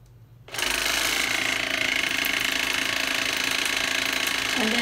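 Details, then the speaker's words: A Webetop dental water flosser runs with a steady, loud, buzzing, pulsing hiss during an unboxing demo of its pressure control, which has a low and a high point. "I think bubbling your knees makes it stronger when you push it up so they're still a on/off and kind of like a low and then a high point"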